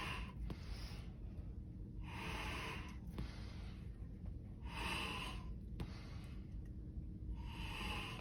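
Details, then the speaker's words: Four rhythmic, airy whooshes of manual resuscitation bag breaths on a manikin, hyperventilating the patient with 4–6 breaths after removing oxygen and before tracheostomy suctioning. "and then i am going to remove my patients oxygen and hyperventilate my patient giving them four to six breaths"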